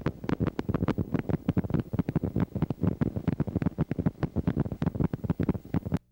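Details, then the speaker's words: Needle EMG teaching recording of myokymic discharges, the essential finding in myokymia-cramp syndrome; myokymia is most often seen in Isaacs syndrome, demyelinating neuropathy, radiation plexopathy and timber rattlesnake envenomation. "Myiochemic potentials are essential findings in myiomia cramp syndrome. Myiomia is most frequently seen in Isaac's syndrome, demiolinating neuropathy, radiation plexopathy and timber rattlesnake in venomation."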